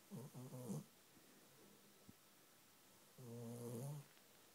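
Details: Two short bursts of low, buzzing, snorting breath noise separated by a quiet pause, from pet Ozzy asleep on a knee; snoring.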